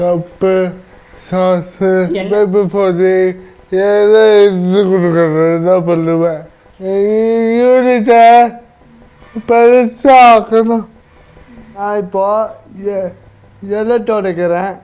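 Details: Adult man, one of twin brothers with cerebral palsy who have lost 90% of body function; dysarthric speech in cerebral palsy.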